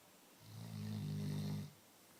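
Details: Chocolate labrador snoozing, one low buzzing snore on an in-breath in a quiet room; dog snoring.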